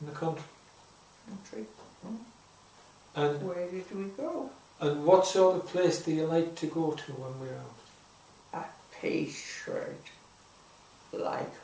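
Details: Aphasia in an adult woman, caused by a stroke about 3 years earlier, with difficulty getting words out and with understanding.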